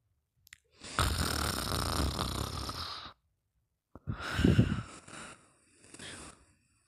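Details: Long, harsh rattling snore on the in-breath during sleep, then a shorter snore and a soft breath out in a quiet room; snoring.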